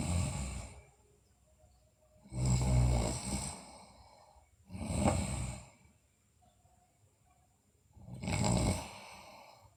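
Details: Low, rattling snores on breaths in with softer sighing breaths out, somewhat irregular, roughly 20 breaths a minute, in a sleeping girl; snoring.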